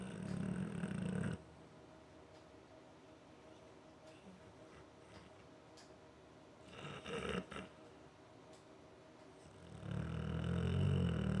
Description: Working in our studio tonight...trying to do some voice-over work...the American Bulldog is on his dog bed in the studio...he's helping out by snoring :-)